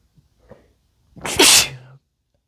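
A short inhaled catch, then one loud explosive sneeze with a wet, spraying quality.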